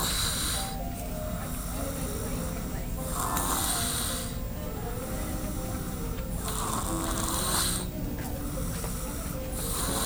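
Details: Loud, rattling snoring in repeated breath cycles under steady background noise; ordinary snoring.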